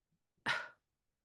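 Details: Weak cough in cervical spinal cord injury.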